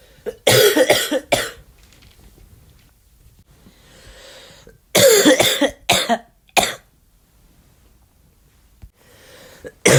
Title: my flu cough